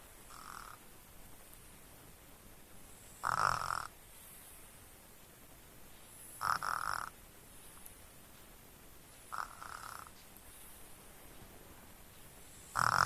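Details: Baby snoring in sleep: soft rhythmic snores about every three seconds (about 19 breaths a minute) over faint room noise.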